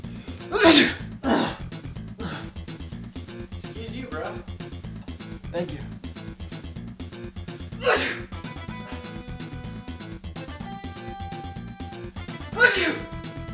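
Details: Man: five loud explosive sneezes spaced across the clip over steady background music; repeated sneezing.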